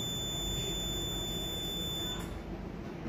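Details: Rapid electronic beeping with a steady high tone over room hum, from a CO2 fractional laser firing during a clinic facial treatment.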